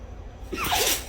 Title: Dog sneezing🤧😂